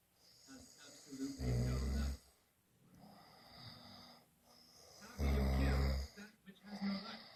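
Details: Snoring: two loud, deep, rattling snores with softer breathing noise between them.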